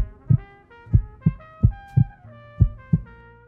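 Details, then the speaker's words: Steady low thumping heartbeats over soft background music, presented as the sound of a single normal heartbeat cycle of atrial then ventricular contraction; normal heartbeat. "the signal then reaches the ventricles causing them to contract pumping blood into the lungs and the body when this whole cycle has gone through once it counts as a single heartbeat it looks and sounds like this"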